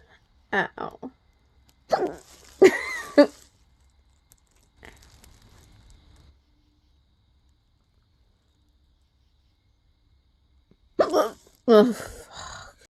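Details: Short, sudden voiced gulps at irregular intervals, with a long quiet gap before the last two, late at night in a possibly drunk person; hiccups.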